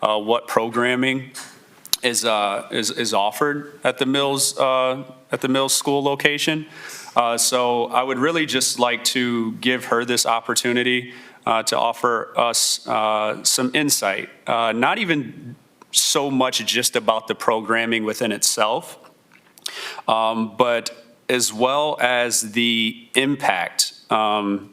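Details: Adult man speaking; Normal voice.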